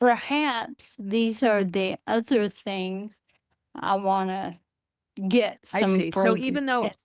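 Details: Adult woman with Friedreich's ataxia, a rare progressive neurodegenerative disease diagnosed at age 23, which she says affects her speech and can cause swallowing difficulty; wheelchair user; ataxic dysarthria.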